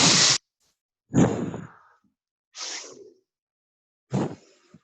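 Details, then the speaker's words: Teacher in a Spanish-language lesson on breathing characteristics imitates slow, deep, audible breaths, each a long airy rush of air, to demonstrate deep respiration (simulated deep breathing). "Profundidad. Si la respiración es normal, es decir, la que usted no se da cuenta que tiene en condiciones normales. Si es profunda, cuando estamos..."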